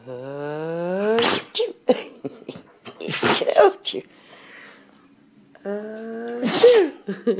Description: He may be a dog, but that doesn't stop him from being a copy-cat. This dog sneezes every time its human does.